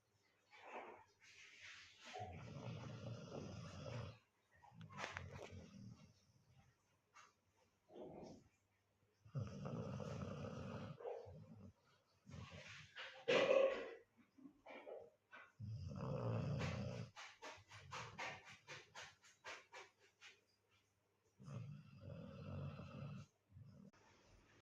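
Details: Sleeping golden retriever puppy snoring with low, rattling breath sounds in slow, regular cycles, like a human snore.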